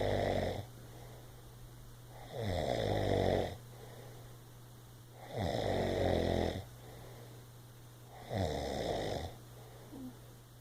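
Regular rattling snores on each breath in, about 20 a minute, over a steady low background hum.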